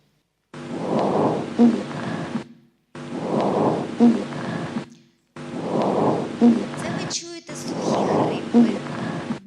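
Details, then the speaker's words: Auscultation teaching recording: low-pitched dry rhonchi from the large bronchi, as heard in bronchitis. Four breaths at about 25 a minute, each with a coarse, low, snoring rumble. "які вислуховуються у нас при пустих бронхітах, тобто коли в нас патологічний процес стягнуті крупні бронхи."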